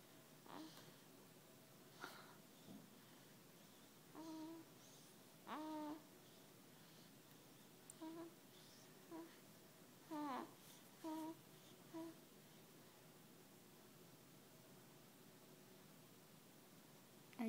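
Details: 5-week-old baby asleep in a quiet room making brief soft grunts, squeaks and snuffly breathy sounds; ordinary infant sleep noises.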